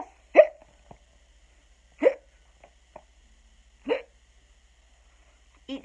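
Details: Imitated hiccups in a children's storybook reading of Skeleton Hiccups: short, abrupt voiced 'hic' sounds recurring about every 1.7 seconds; simulated.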